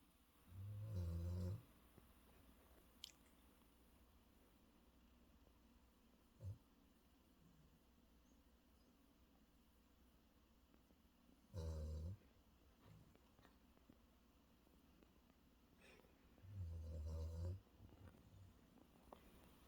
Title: Snoring Loud| He must be so tired #furbaby #shihpoo